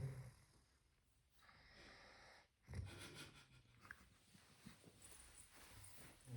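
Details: An adult man (the father) snoring at night: low, rough, rattling breathing with snorting bursts and quieter stretches between them, heard faintly.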